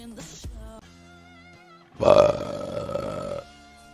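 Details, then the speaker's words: Woman burping during a live stream: a single loud, drawn-out voiced belch lasting over a second amid music and hum, after which she apologizes for being unladylike. "but I apologize uh oh excuse me sorry this was so unladylike"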